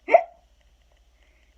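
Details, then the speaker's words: Single short, sharp voiced hiccup sound followed by silence, made while reading aloud the children's book Skeleton Hiccups, right after "the hiccups stayed." "Said, "Boo!" to Skeleton. But nothing worked. The hiccups stayed."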